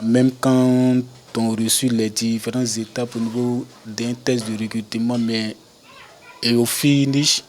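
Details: 42-year-old man who has stuttered since birth, with the stutter lessening with age; stuttering.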